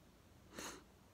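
A single short, muffled sneeze burst in a quiet room, part of a sneezing fit.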